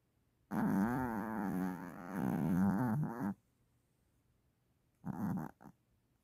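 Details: Mother dog sleeping and snoring loudly: a long, rattling snore on one breath, a pause, then a brief snorting breath.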